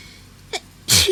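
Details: A short inward catch of breath followed by one sharp, explosive sneeze, from someone whose hay fever allergies have been very bad this week.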